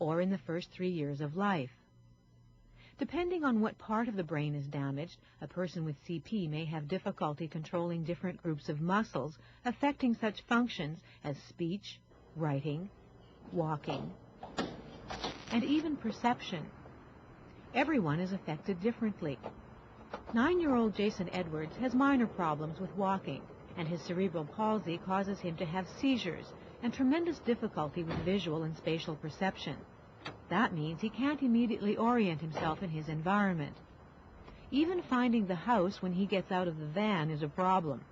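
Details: Adult female narrator; normal speech.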